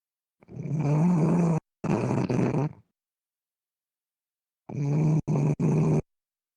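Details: Loud snoring: deep, rough, buzzing breaths broken into short bursts with silent pauses between.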